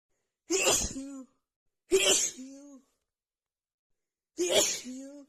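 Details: Female who held back and stifled sneezes until her itchy nose could not take it: three loud, explosive sneezes in quick succession, each a sharp burst with a voiced tail, in a rapid nonstop sneezing fit.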